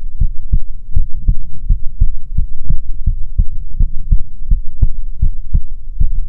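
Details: ASMR heartbeat recording: steady, soft lub-dub heartbeat at about 80 beats a minute, even rhythm; normal heart sounds.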